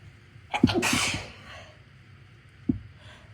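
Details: Induced sneeze in someone with a cold: one forceful sneeze with a sharp intake beforehand, then a faint sniff.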